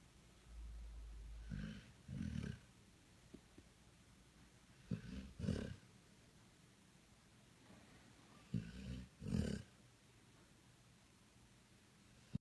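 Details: Low, rumbling snores in paired bursts, about 16 a minute, with quiet pauses between, from a dog sleeping on a lap on a couch who keeps snoring even when she opens her eyes.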